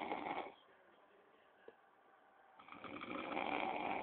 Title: Snoring